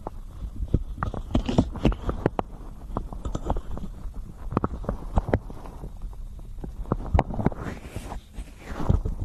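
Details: Close-microphone ASMR recording of real stomach growling: low rumbling gurgles with scattered sharp clicks and rustling mixed with binaural ear-massage sounds; borborygmi from gas and fluid moving.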